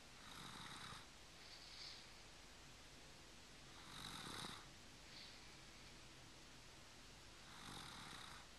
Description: 26 months old and snoring